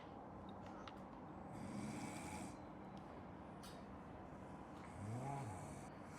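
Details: Snoring in the background of a room: two low, rumbling snores rising out of steady room noise, a few seconds apart.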